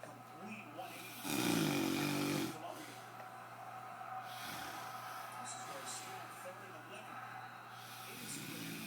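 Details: Ordinary snoring: one loud, vibrating snore followed by quieter breathing and a fainter snore at the end.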